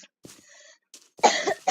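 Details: Male streamer's cough while playing a game: a few short coughs ending in one loud, harsh burst in a quiet room; an ordinary dry cough.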